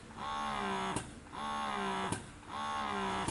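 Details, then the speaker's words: Pigeon GoMini double electric breast pump, in use about three months, switched to expression (suction) mode after let-down: a rhythmic motor whine rising and ending in a click about once a second; suction level adjustable from 1 to 5. "Nah kalau aslinya Udah keluar kalian ubah modenya ke mode hisap cara ngubahnya seperti yang saya bilang tadi pakai tombol yang disini gambar tetesan air Hai nah seperti ini bunyinya dan ini levelnya bisa kalian naik turunin ya"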